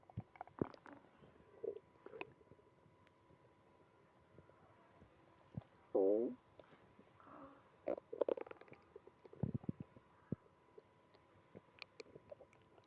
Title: Stomach growling in the morning after diarrhea all night